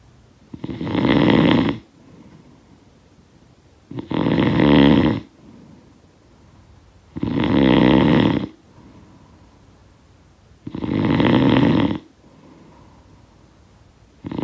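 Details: Snoring sound effect of a sleeper: deep, rattling snores on each breath in, about 18 a minute, with quiet breathing out between; snoring.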